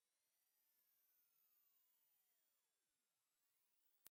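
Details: Faint pure tones gliding in pitch, some falling and rising, over soft hiss; a hearing age test tone sweep.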